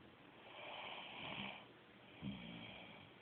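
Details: Soft, breathy snoring from a sleeping female: a drawn-out breath with a faint rattle, then a short low snort.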